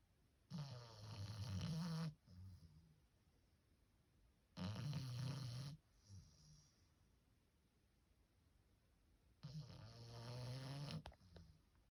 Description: Just little 4month old frenchie snoring away like a man